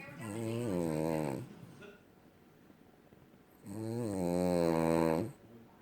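Two long, loud, buzzing snores about two seconds apart, each with a drawn-out voiced rumble. Snoring in a sleeping dog.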